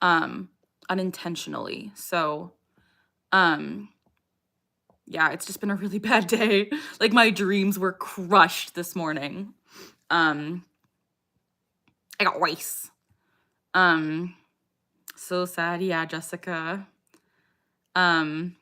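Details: Adult woman with Tourette syndrome; a vocal tic phrase interrupts her speech; vocal tic (Tourette syndrome).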